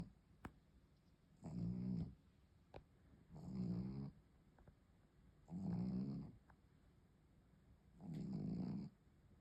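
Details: Pug dog snoring: four rattling, low snores on a steady breathing rhythm, roughly one every two seconds, in a quiet room.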